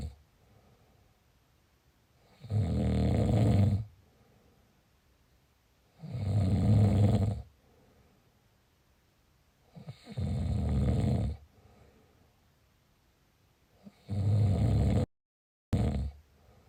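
Loud, low rattling snores on each breath in, about 15 breaths a minute, with quiet pauses between them.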